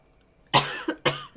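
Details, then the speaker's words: Acute cough from an adult woman with a stuffy nose: two abrupt, harsh cough bursts in quick succession, each with a sharp onset and voiced tail. "me I'm so sorry about that I could not mute I hope that was not too loud I am dying"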